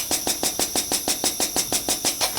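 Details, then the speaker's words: Intrapulmonary percussive ventilation (IPV) machine for cystic fibrosis airway clearance, turned on with the mouthpiece occluded to check operating pressure of about 25–30: rapid rhythmic hissing pulses, about six per second; IPV device running. "so to do that i'm just going to go ahead and turn the machine on and just occlude the mouthpiece and kind of watch the pressure there"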